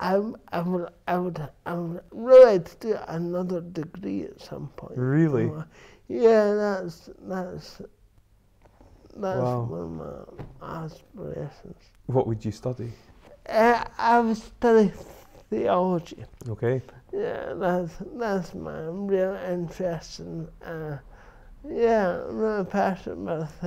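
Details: Adult man with dysarthria from cerebral palsy present since birth, which he says affects his verbal communication, balance and coordination.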